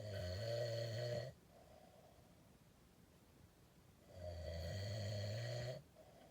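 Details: Two loud, low, rattling snores on breathing in from a sleeping man, quiet pauses between; very loud, heavy snoring.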